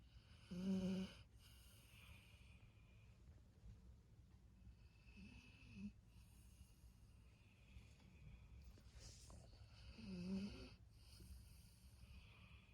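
Soft, low, buzzing snores at irregular intervals, with some snorting breaths and faint background noise: snoring in a sleeping dog.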